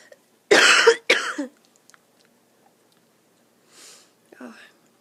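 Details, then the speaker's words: Two loud, harsh, slightly muffled coughs in quick succession from an adult coughing into the arm while recovering from a second chest infection this year, then near silence with a faint breath. "As for me, I'm still recovering from my second chest infection this year. Oh, I have a dreadful cough."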